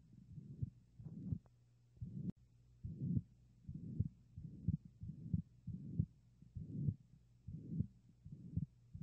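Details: Ventricular septal defect: regular heartbeat near 67 a minute with a harsh whooshing murmur filling each beat, heard through a stethoscope.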